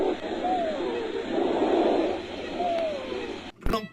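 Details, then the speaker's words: Lung sounds demonstration: noisy breath sounds with two high, musical, falling whistles, consistent with wheezes from narrowed airways. "Acompáñame a escuchar algunos ruidos pulmonares."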